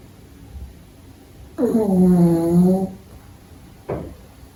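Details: Pug puppy sleeping during the day and possibly dreaming, snoring; snoring.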